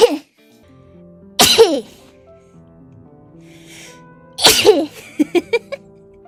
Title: Sneeze Collection